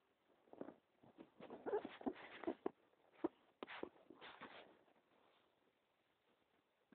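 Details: Own stomach rumbling: irregular bursts of gurgling and squeaky rumbling over several seconds, fading to quiet; bowel sounds (borborygmi).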